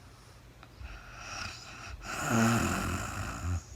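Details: Adult woman recorded in real time during overnight sleep after being very tired: a single drawn-out, buzzing snore on an in-breath with a faint whistling edge; snoring.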